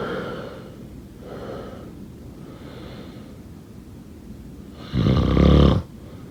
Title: #snoring #snoringasmr #snoringsleepingsoundeffect #snoringsounds